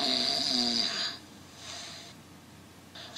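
One rough, fluttering inhaled noise lasting about a second, then quiet breathing. This is snoring, from partial blockage of the upper airway.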